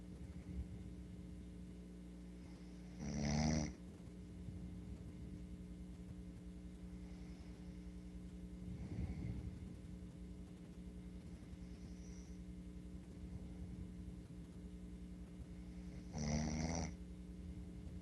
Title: snores